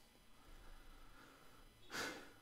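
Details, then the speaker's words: Quiet room noise, then a single loud, harsh snorting breath near the end: a male snoring loudly nearby. "can you hear him snoring he's loud that's funny"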